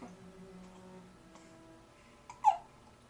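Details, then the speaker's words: Two-week-old infant boy with hiccups during tummy time, lying on his tummy, with gas: quiet fussing followed by a single sharp, abrupt hiccup. "he's got hiccups he's on his tummy he's got gas so this is messed up"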